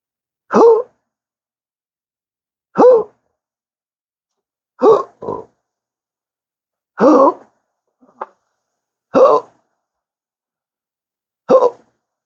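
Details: Chronic intractable hiccups since December 2015, after surgery that left multiple nerve damage, with daily 12-hour episodes and occasional burps, not responding to treatments: abrupt throaty hiccups about every two seconds, some burp-like, worsening with talking.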